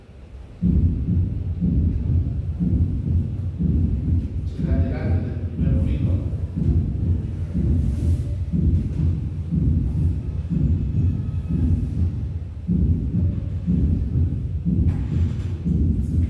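Regular low heart sounds at about 60 beats a minute, each beat led by an extra soft low thud just before the first sound, giving a galloping rhythm. This is a fourth heart sound, from the atria pushing blood into a stiff ventricle. Faint room noise is in the background.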